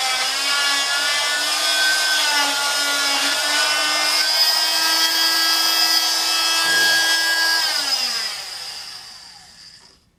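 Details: Steady high-pitched whine of an oscillating cast saw, with slight pitch shifts under load and then winding down, cutting a fiberglass total contact cast on the leg to free the anterior clamshell; cast saw cutting fiberglass cast.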